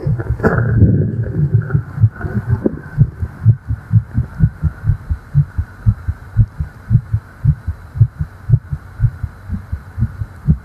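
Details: Simulated, role-play fast female heartbeat (tachycardia), a fairy tired after flying, heard with the head on her chest: heart thumping rapidly.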